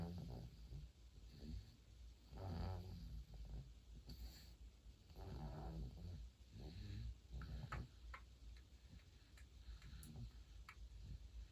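Soft, low, rhythmic snoring breaths about every two seconds, with faint background room noise; light snoring in a sleeping baby.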